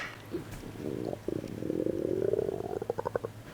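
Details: Stomach growl (borborygmi) demonstrated as an example of a body sound.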